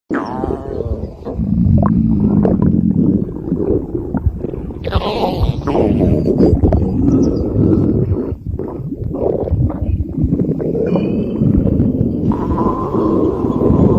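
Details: Empty-stomach borborygmi: loud, continuous, low gurgling and rumbling with bubbly shifts; a normal hunger sound.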